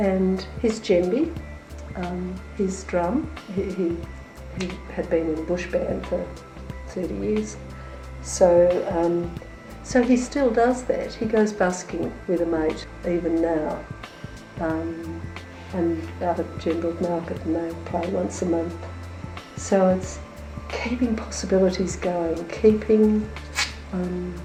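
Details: Adult woman speaking; normal speech.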